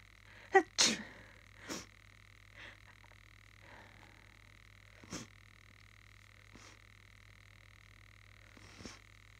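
Several brief, sharp bursts of varying strength in a quiet room, the loudest early on, fitting a run of small sneezes.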